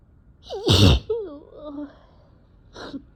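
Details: Sneezing from a known cat allergy, with sore throat and eyes barely able to open; nose tickling beforehand: a sharp inhaled gasp, then a forceful explosive sneeze and a short sighing voice afterward.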